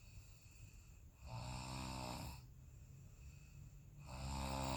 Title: Me Snoring